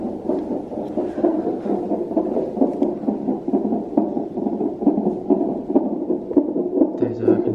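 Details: Rapid whooshing galloping beats, roughly 130 to 140 a minute, from a fetal monitor: the baby's heartbeat during active labour, cervix five centimetres dilated, contractions about every four minutes.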